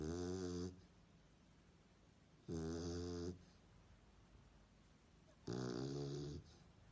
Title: Snoring Dog - Schnarcheder Hund